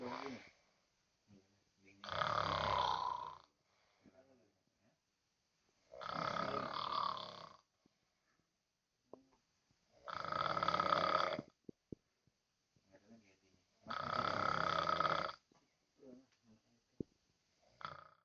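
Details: Heavy snoring: loud rattling snores about every four seconds, four in the clip, with quiet gaps between.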